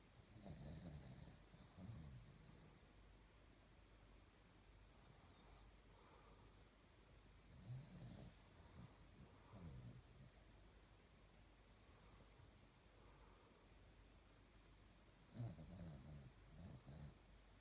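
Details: Soft, rough, low snores recurring every few seconds during sleep over quiet room noise; snoring.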